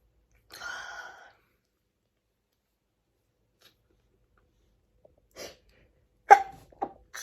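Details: Short stifled sneezing fit: a short whining breath, a pause, then several small suppressed sneezes, with a further sneeze felt coming.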